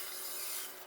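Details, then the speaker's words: Bulb syringe (nasal aspirator) suctioning secretions from a Yorkie puppy's nose: a short, airy, rasping sucking noise; bulb syringe suction. "can hear it makes a sucking sound as it's trying to, suck out any kind of secretions."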